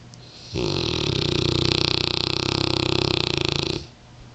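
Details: Sleeping Mastiff, a rescue dog, snoring: one long, loud, rattling snore lasting about three seconds with a fast buzzing flutter throughout.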